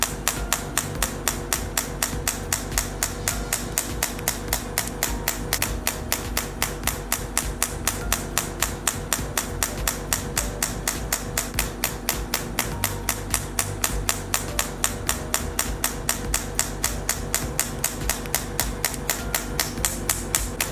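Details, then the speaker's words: Third-generation shockwave therapy machine handpiece firing on a marked pain point with gel, fixed-point operation of about 500–600 pulses: sharp regular clicks about four a second over steady machine noise. "Point manipulation of pain points fixed Point operation in a stepbystep manner a pain point is about 500 to 600 rounds"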